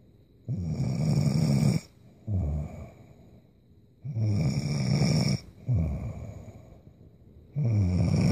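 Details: Sleeping young woman snoring: loud, low, rattling snores with quieter breaths between, about 18 a minute.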